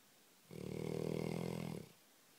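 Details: A sleeping Labrador dog, described as a very heavy snorer, gives one low, fluttering, rumbling snore lasting over a second in a quiet room; snoring.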